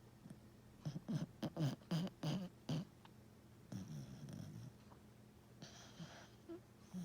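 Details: Snoring: soft, rapid, low snorting breaths in a quick series, then slower noisy breathing; light snoring.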